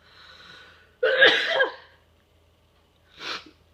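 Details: A single ordinary sneeze from a person who announces the urge to sneeze beforehand: a soft inward breath, one loud voiced sneeze burst, then a brief exhale or sniff.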